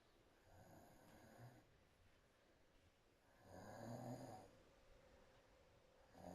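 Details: Adult woman asleep within two minutes with mouth wide open: two soft, rough breaths with low fluttering noise, a few seconds apart, quiet room; soft snoring.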